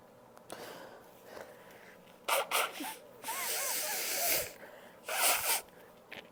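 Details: Several loud, open, unstifled sneezes, each a sharp explosive burst of air preceded by a short intake of breath; ordinary sneezing.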